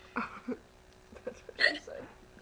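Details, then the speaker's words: Person with nearly two minutes of hiccups while talking and laughing: short abrupt catches of breath among soft voice sounds, one louder gulping hiccup standing out. "it's like almost two minutes of just me hiccupping well watch this get a thousand views well I can't control when I get the hiccups"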